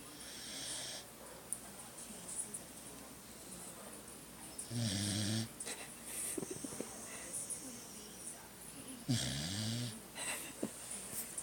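Two rough, snorting snores on breathing in, with quieter breaths between and steady background hiss.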